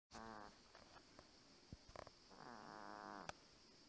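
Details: Edgar the cat snoring, with a built-in little fart.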